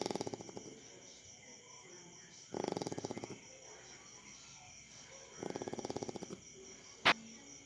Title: Chowchow Na Humihilik | Chow Snoring